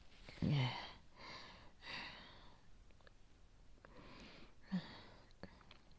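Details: Worsening cough in a person with cold, asthma or bronchitis, suspected infection, yellow-green sputum, sleepless nights: several harsh, breathy, rattly phlegmy coughs and throat-clearing bursts, spitting up phlegm; productive wet cough.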